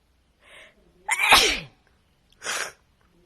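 A short breath in, then a sharp explosive sneeze, followed by a second smaller sneeze; two sneezes in a quiet room.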